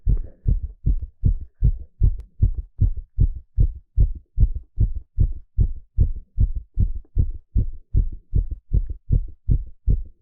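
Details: Live heartbeat sound during an ECG exercise stress test: steady, strong, fast heartbeats at about 150 per minute with a regular rhythm, normal heart sounds under exercise.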